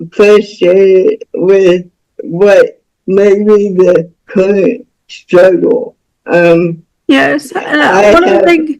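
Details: Dysarthric speech of a woman about to turn 49 with cerebral palsy since birth (umbilical cord around her neck); doctors predicted she would never walk or talk; spasticity has worn her body down with age.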